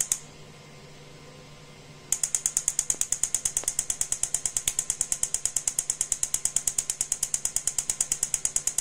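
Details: EMTT extracorporeal magnetotransduction therapy machine during energy testing, used for pain relief: after a quiet start, sharp, even clicks at about three per second as it pulses its magnetic field.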